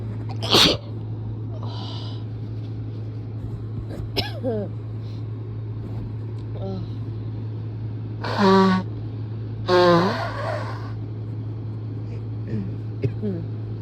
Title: Very strong turned on sneezes